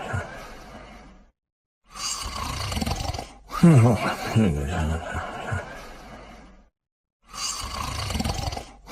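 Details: Loud, deep, rumbling snores from a sleeping dog, with long noisy breaths separated by brief silences: snoring.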